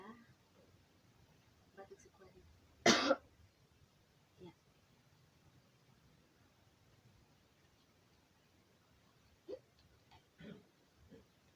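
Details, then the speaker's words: Nursing student demonstrating effective cough training on a patient: three deep breaths, then on the third a forceful cough to bring up mucus; one strong deliberate cough among faint throat sounds and quiet talk, acted for teaching. "ik nafas selama tiga kali dan hitungan yang ketiga Ibu batuk dengan sekuat tenaga nanti di situ ada lendir yang keluar"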